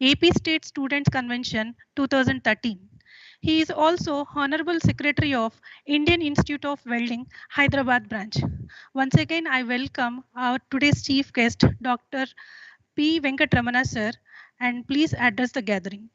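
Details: Adult woman speaking; Normal speech.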